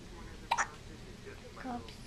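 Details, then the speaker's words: Infant's first hiccups: a single short, sharp hiccup against quiet room noise, with a faint softer sound afterward; baby seems miserable; hiccup. "Oh no. Your shirt's too big and you have hiccups. Man. What a day."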